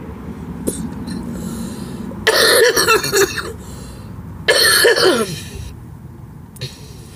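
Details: Two harsh, rough coughing bouts with throat clearing from an adult woman smoker at night, over quiet room noise: smoker's cough.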